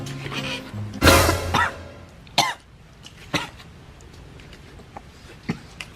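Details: A young woman's coughing fit while drinking through a straw, possibly faked as a joke: one strong, harsh burst, then several shorter coughs over soft background music.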